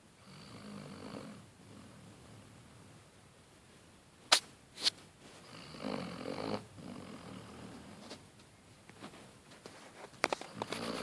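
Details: Sleeping Basset Hound snoring: soft, noisy breathing sounds at irregular intervals with a few sharp snorts in a quiet room.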